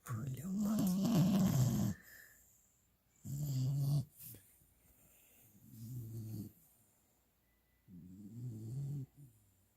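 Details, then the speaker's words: Soft low rumbling snores, about four breaths in ten seconds, from a young dog sleeping mouth wide open after his first walk following his final set of shots; quiet room; snoring. "Poor little monkey, after his first walk ever, he's so sleepy. Sleeping with his mouth wide open and snoring and licking."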